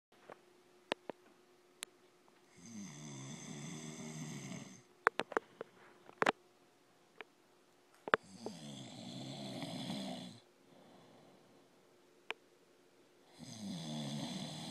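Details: Adult man (husband) snoring: three loud, rattling snores on the in-breath, separated by quiet pauses, with a few clicks in a quiet room; ordinary snoring.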